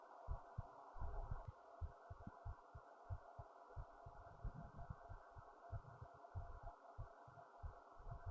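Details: Own fast, regular low-thumping heartbeat over a steady background hum with occasional louder muffled bumps, recorded via a new headphone speaker; heart racing after standing up, with fast breathing: fast heartbeat.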